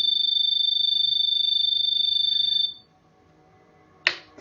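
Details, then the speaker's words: Low pressure/disconnect alarm on an EZ-Breathe veterinary ventilator connected to a test lung (demonstration, no patient): high, rapidly pulsing electronic tone that stops, then a click; pressure not rising, so the patient is not being ventilated. "this alarm indicates that the pressure to the patient is not coming up so that the pressure is the patient is not being ventilated"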